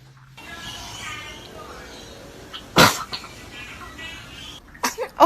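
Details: An infant in a compilation of babies sneezing: a single short, sharp sneeze with soft music and adult voices in the background. Sneeze.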